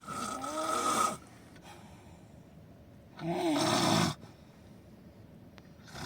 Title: Highly snoring